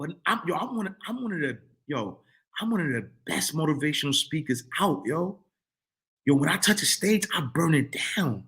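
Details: Adult man who stuttered as a kid, stutter still emerging when talking fast or excited; stuttering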